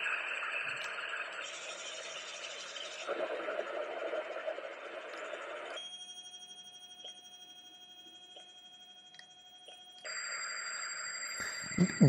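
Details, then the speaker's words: Simulated tinnitus: a series of steady hissing, buzzing and high ringing tones changing every few seconds, illustrating sounds patients hear, which irritate them and worsen in silence. "Different sounds like this comes to patient's ear and they get irritated. It happens more when there is no sound around."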